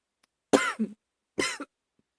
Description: Another one from a a few weeks ago... sorry at some point I cough too loud... :-/